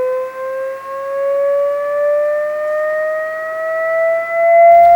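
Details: AED charging in a simulated EMT cardiac arrest management training station with shock advised: a steady tone rising in pitch before the shock is delivered.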